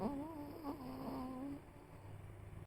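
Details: Snoring from a Chihuahua with summer heat fatigue: a high whistling squeak on the breath, then a softer low rumble.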